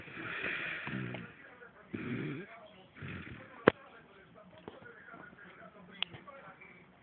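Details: An adult man sleeping heavily gives three loud, rough, rattling, pig-like snoring snorts separated by quiet pauses with faint clicks; heavy snoring.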